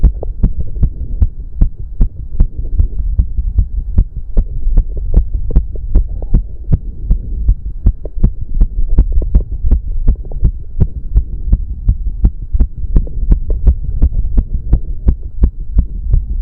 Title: Male's Racing Heartbeat During 30min Cardio Workout (Heavy Breathing)